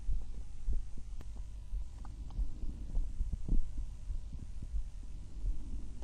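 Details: Normal heart sounds from the recordist's own chest, one of six auscultation sites, through a stethoscope: steady low thumping heartbeats over a low hum, breath sounds hard to pick out.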